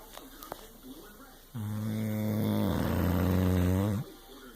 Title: Tired snoring